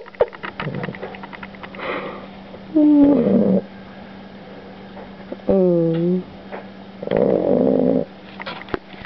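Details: Newly adopted dog sleeping and snoring very loudly: whistling, rumbling snores in roughly one-second bursts with clicks and background noise; snoring.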